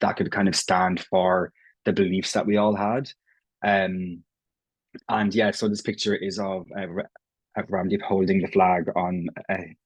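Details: Irish adult man who has stammered since he can remember, self-identifying prolongations, repetitions and blocks; real, not acted: stuttering (stammering).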